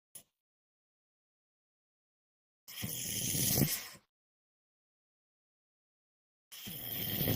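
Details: Night snoring during sleep: rattling snore bursts about every four seconds, separated by silent pauses.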